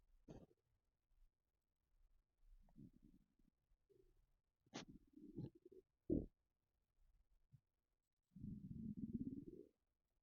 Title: Empty stomach rumbling